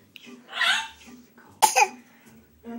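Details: An infant makes a short vocal sound, then a sharp, forced, cough-like burst: a playful voluntary fake cough.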